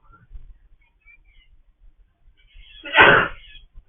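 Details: A 9-month-old baby gives one sudden, loud sneeze burst near the end of a quiet room recording, startling the parent.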